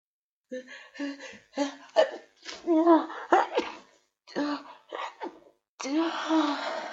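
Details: Person with a head cold: voiced breathy build-ups with catching gasps, then a forceful wet sneeze burst at the end; sneezing.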